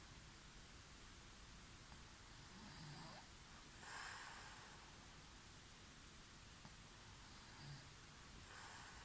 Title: Could you sleep to these snoring sounds?